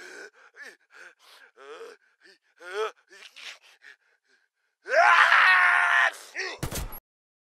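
Series of short voiced gasps and groans, then a long strained gasp with a sharp ending; acted effort sounds from a video game.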